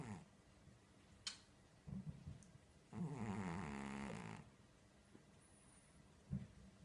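A single drawn-out, rattling, low snore with a few soft snuffles around it; a cat snoring in its sleep.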